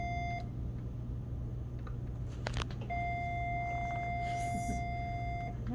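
Repeated high electronic beeps with short breaks, a defibrillator in synchronized cardioversion mode marking each heartbeat of a simulated atrial fibrillation rhythm.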